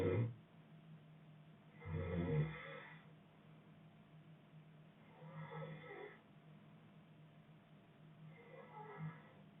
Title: boyfriend snoring